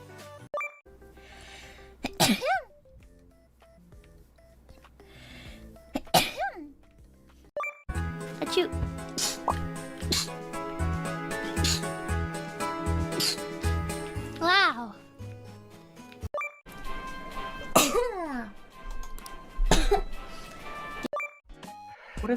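A series of separate sneezes from different people between stretches of talk and background music.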